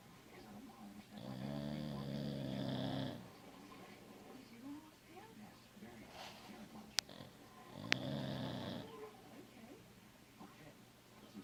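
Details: A sleeping pit bull gives loud, rumbling snores on the in-breath, with quiet breathing between them; snoring.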